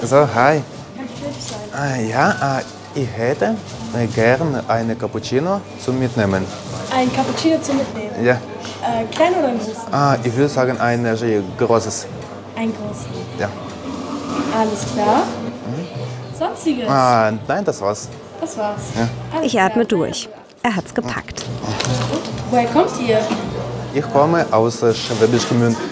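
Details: Stuttering since age six or seven in a native Ukrainian speaker, ordering with soft onsets and three-word phrasing learned in stuttering therapy; stuttering with fluency-shaping technique.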